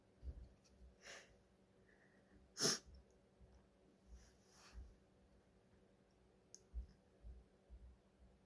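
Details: Sneezing, likely from allergies (hay fever suspected), possibly a female: quiet room with soft breathy catches, shaky aborted sneeze-like puffs and one sharp, loud sneeze burst.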